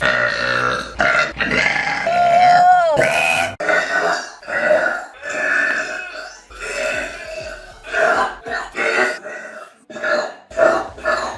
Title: RANDOM GIRLS BURPING! (PART 2)